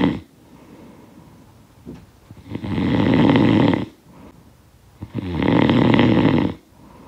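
Two long, loud rattling snores on breathing in, with quiet breaths out between them; sound-effect recording.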